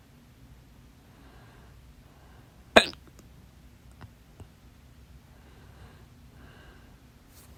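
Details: One loud, sharp hiccup followed by two fainter ones in a quiet room, from a stubborn, fast, late-night hiccup bout lasting 30 minutes, blamed on too much salsa; holding breath failed at first and worked on the fourth try; hiccups.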